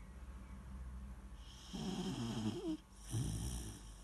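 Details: Sleeping Weimaraner puppy: rough fluttering snore on a breath in, then a short snorting breath over background hum; snoring.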